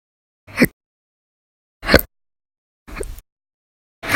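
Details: Sharp, abrupt catches of breath separated by silence, about four in four seconds. Violent, very loud persistent hiccups from episodes lasting hours each, recorded 11/1/19 to 11/20/19.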